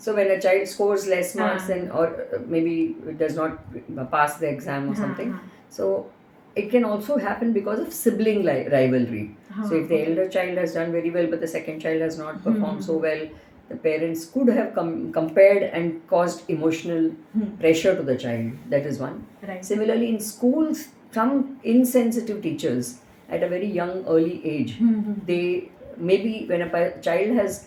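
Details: Adult woman speaking; no speech disorder.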